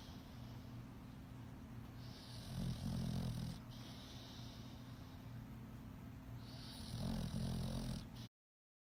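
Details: A sleeping pet dog snoring: two slow, low, rumbling snores over a steady background hum; ordinary, harmless snoring.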